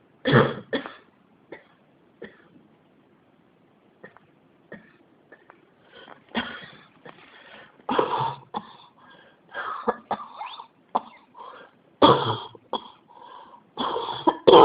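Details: Persistent, unstoppable cough: repeated bursts of coughing and throat clearing, about two dozen a minute, with brief pauses between.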